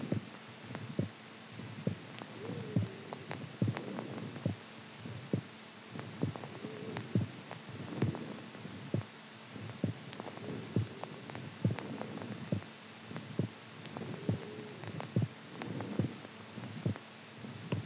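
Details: Steady soft thumping heartbeat at about 70 a minute under a faint low hum; described as a strong heartbeat during sleep.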